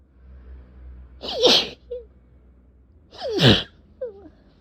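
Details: Person with cat allergy, with a sore throat, eyes barely open and a tickling nose; two forceful sneezes about two seconds apart, each with a rising inhaled build-up and a small voiced sound after; allergic rhinitis sneezing.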